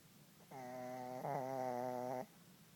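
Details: Puppy asleep in a quiet room giving one steady, buzzing, whistle-like snore lasting under two seconds: snoring.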